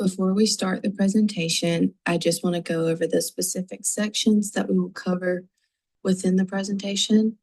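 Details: Adult speaker; normal speech.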